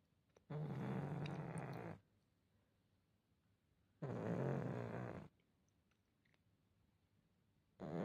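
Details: Loud, rattling snores with quiet pauses, about 17 breaths a minute, from a sleeping pug dog: snoring.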